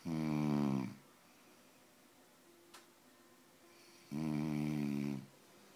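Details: Two loud, rattling snores about four seconds apart with quiet pauses, from a sleeping adult man (husband); loud snoring.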